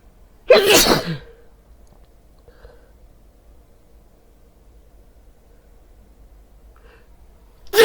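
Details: One loud, explosive sneeze while wearing headphones, a sharp burst of air, then quiet room sound: sneeze.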